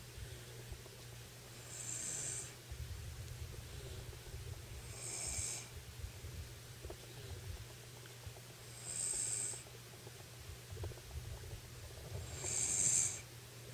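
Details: Woman napping on a bed after a bath beside a small boy; she says she does not snore: four soft hissing, snorting breaths a few seconds apart over a low hum, light snoring.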